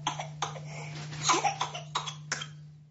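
About six short coughs in a run from a baby, consistent with a whooping cough (pertussis) coughing spell.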